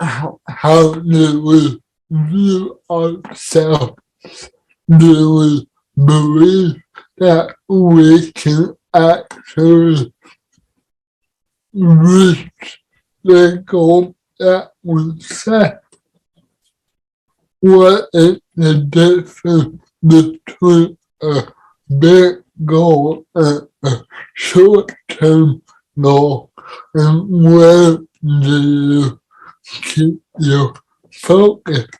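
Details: Dysarthria in an adult man with cerebral palsy, heard in real conversational speech.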